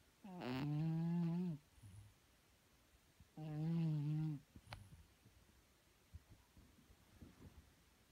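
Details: Pet cat snoring while asleep.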